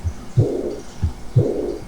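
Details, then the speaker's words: Aortic regurgitation: two heartbeats, each with a low first sound, a very attenuated second sound, then a soft, blowing, decrescendo early diastolic murmur from regurgitant flow. "primer ruido cardíaco un segundo ruido cardíaco muy atenuado y luego el soplo proto diastólico decreciente de reflujo"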